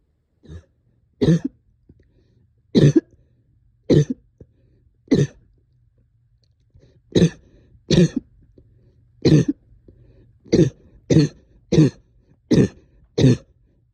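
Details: Chesty productive cough, thirteen deep separate coughs over about fourteen seconds, some like throat clearing, with sticky phlegm, while up all night with heavy chest and headache.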